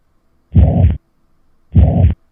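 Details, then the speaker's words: Holosystolic murmur of mitral or tricuspid regurgitation: two heart cycles, each with a high-pitched, blowing murmur continuous from S1 to S2, played as a teaching audio file. "I hope you can appreciate that that murmur goes continuously and is high pitched and blowing between the S1 lob and the S2 dub so that's mitral and tricuspid regurgitation"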